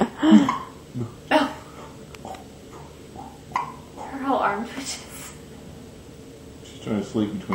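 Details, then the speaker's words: Baby girl with hiccups while being burped by her father: short, sharp catches of breath at irregular intervals in a quiet room, with soft baby sounds between them. "hiccups yeah that's what she tries to do at night and it's like we know that we have to get up whenever she has hiccups cuz she'll she'll end up getting mad and crying"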